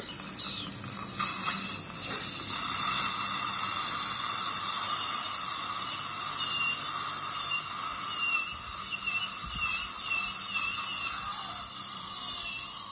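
Continuous high-pitched whine with hiss, steady throughout; a dental drill running during a wisdom tooth extraction.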